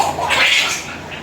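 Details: A short, high, strained cry from a newborn just after a normal vaginal delivery, with the baby passing a large yellow stool.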